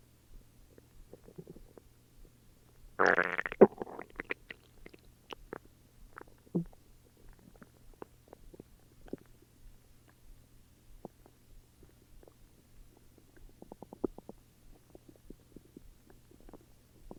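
A loud gurgling rumble followed by scattered soft bubbling and popping bowel sounds in a quiet room; ordinary stomach growling.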